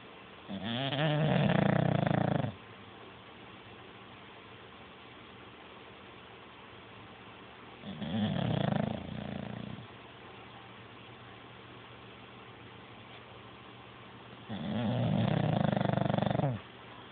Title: #WallyTheBulldog - Snoring